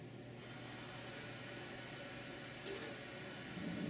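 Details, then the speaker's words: Doppler switched on without touching anything, as a battery check before temporomandibular joint auscultation. A steady soft hiss of white noise with no crunching or static, indicating the battery is fine. "and what you'll notice is you can definitely hear some white noise some background noise but we don't hear anything that that sounds crunchy or staticky"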